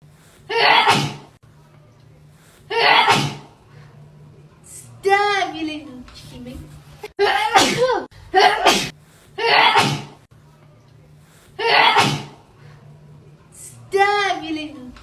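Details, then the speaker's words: A woman swabbing her own nostril for 15 seconds during a COVID-19 nasal test, with watering eyes, gives about six forceful sneezes with brief voiced gasps between: swab-induced sneezing. "And I do it in this nostril for 15 seconds. My gosh, I keep sneezing."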